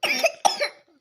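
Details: Young child who still coughs a bit when drinking plain water, not yet able to drink well: two quick, short coughs, then quiet, choking on water while drinking.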